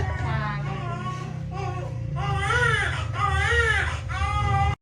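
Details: Loud, rhythmic crying bursts from a newborn just after normal vaginal delivery at a clinic, with steady room hum; vigorous, healthy first cry.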